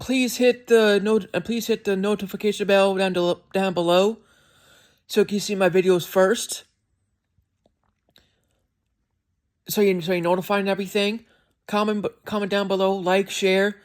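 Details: Male reviewer with a self-reported speech impediment; speech disfluency (speech impediment).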